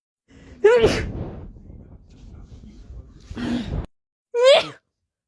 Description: Short compilation of rapid sneezes